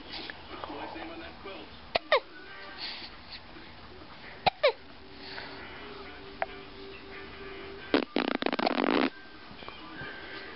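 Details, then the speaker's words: Infant girl with hiccups, unusually happy despite them: several brief, sharp hiccups at irregular intervals over background voices and music. "oh you got the hiccups you got the hiccups you get a hiccup baby look at your shirt"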